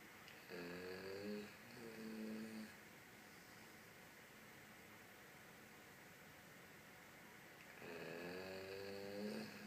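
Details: Dog snoring in its sleep: whistling, squeaky snores in two bouts against hissing room noise.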